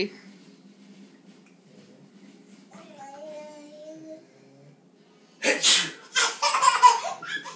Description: giggling as her daddy sneezes! She is so funny!